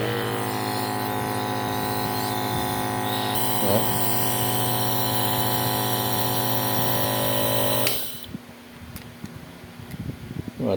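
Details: Apex nebulizer compressor switched on for a functional check-up: loud, steady mechanical hum and buzz of the motor running, then switched off to quieter room noise; nebulizer compressor running.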